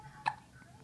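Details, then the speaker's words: A single short, sharp hiccup from a girl over quiet room noise. "you have those hiccups? Huh? Do you have hiccups? Those bold hiccups."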